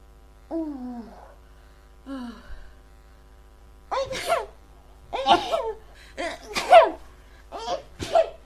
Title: Endless Sneezing